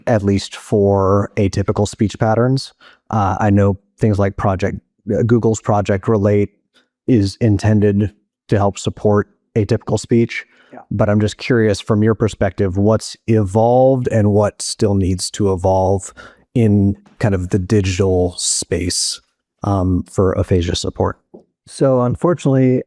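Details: Adult male speaker; normal fluent speech.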